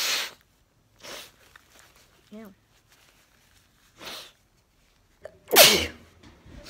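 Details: Repeated sharp, hissing sneezes, a run of five with brief voiced catches, the last loudest, from a person with allergies; allergic sneezing.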